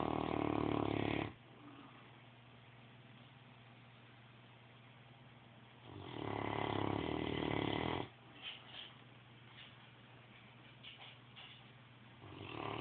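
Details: Rough, loud snores each lasting over a second, separated by long quiet gaps with faint snuffles; snoring during sleep.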